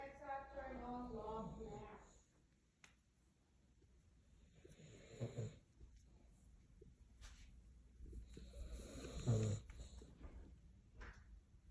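A dog's loud, rough snores come with each breath, separated by quieter stretches, heard over faint room noise.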